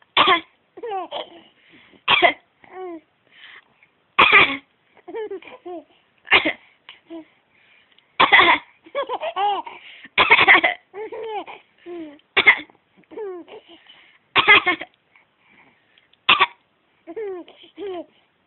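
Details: A child gives about nine short, forceful coughs, roughly one every two seconds, with giggling and voice sounds between them; cough.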